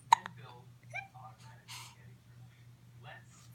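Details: An isolated, sharp, abrupt hiccup followed by soft background voices and room noise.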